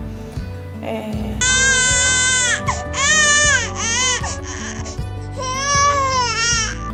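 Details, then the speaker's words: Newborn discomfort cry, described by a nurse as long, fairly continuous wails, typical of discomfort such as a dirty diaper or an uncomfortable position; background music. "é o soldo do desconforto é um choro mais contínuo gente é uma guy h mas ele é bem continua bem característico de desconforto"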